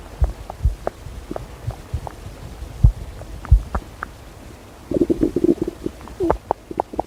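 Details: Low gurgling rumbles and soft bubbling pops from the belly; stomach growling (borborygmi).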